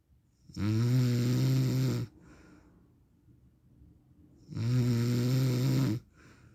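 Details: Real recording of an adult man (husband/dad) snoring in sleep: two long, loud, rattling snores on breathing in, each followed by a quiet breath out, a few seconds apart.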